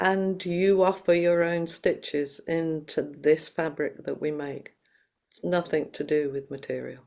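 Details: Adult speaker; Normal speech.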